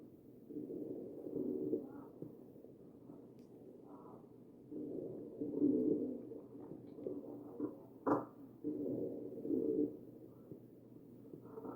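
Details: Wheezing heard on chest auscultation of a real ventilated patient (sample 2).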